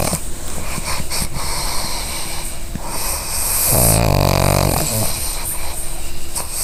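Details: Sleeping, dreaming female pug snoring: rough, fluttering snore noise with a drawn-out tonal snore and snorts in the middle, over steady background hum.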